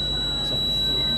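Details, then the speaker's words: Steady high-pitched electronic tone from the apex locator in a Woodpecker Endo Radar rotary endodontic motor, the alarm sounding as the file reaches the root apex. "فعشان كذا اقول لكم دائما في الابكس لوكيتر الصوت مهم جدا. انك تعرف ان انت واصل او ما انتش واصل."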